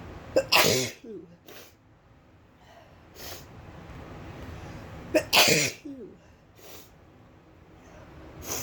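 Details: Two loud, sharp sneezes, each preceded by a quick inward catch of breath and a few seconds apart; deliberately induced sneezing, which the person says has become unusually easy to trigger.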